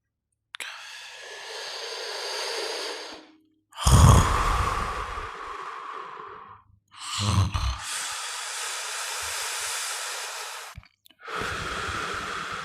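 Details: Snoring: long rushing breaths with a rough snort at the start of some cycles, separated by brief silences.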